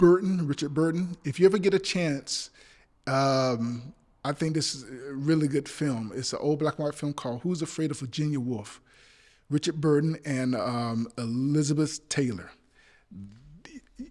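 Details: Adult male actor with stuttering since childhood that still persists, including on the phone and in person; stuttering.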